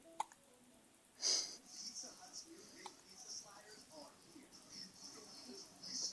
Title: Hiccups.